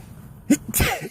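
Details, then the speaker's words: Adult sneezing repeatedly while teaching, losing count around the eighth or ninth: a quick breath in, then one sharp, loud burst of air; an ordinary sneeze, one of a series. "I sneeze and then I speak in tongues how about that was that eight or nine now I lost count"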